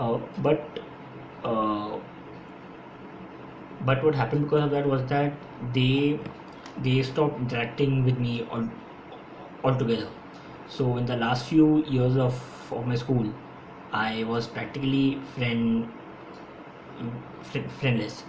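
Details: Adult man who has stammered since his school years; stuttering.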